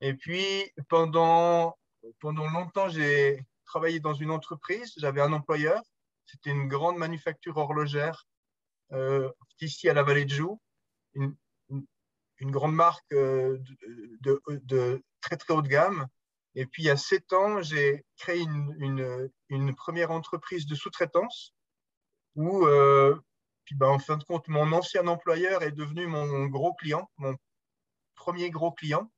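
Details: 44-year-old man who stutters, speaking French; speech much improved over the years, still stutters a little from time to time in French, more in English: stuttering.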